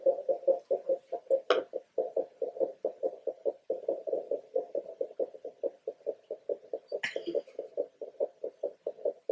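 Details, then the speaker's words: Rapid, regular muffled thumps at about 140 a minute with two brief rustles: the fetal heartbeat at 32 weeks of pregnancy, picked up through a phone app, in a very active baby who often has hiccups. "it just gives you the ability to let me see your baby's heartbeat which is so amazing"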